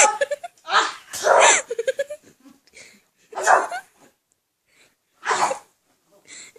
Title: Weird person sneezing